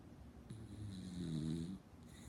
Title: Snoring beagle 😂